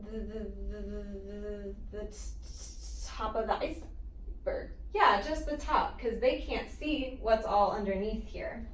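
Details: Child in stuttering therapy who reports getting stuck, pausing, repeating sounds, blinking hard and pushing the head forward during stuttered moments; stuttering.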